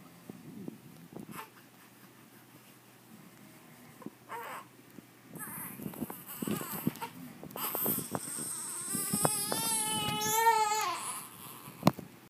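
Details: 1-month-old infant during tummy time: fussing and whimpers build into a sustained, tonal infant cry in a small room.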